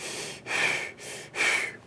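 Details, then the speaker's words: Imitated breath sounds as heard through a stethoscope: plain airy normal breathing, then a high whistling wheeze like that of asthma, where wheezes occur mainly on breathing out. "when I listen to someone's chest with my stethoscope normal breathing kind of sounds like this but a wheeze would sound like this"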